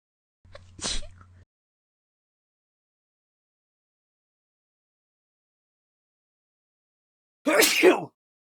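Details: Simulated sneezes, mostly stock sound effects, imitating cartoon characters (Smiling Critters and Nightmare Critters): two brief acted bursts separated by silence, the second a loud explosive sneeze.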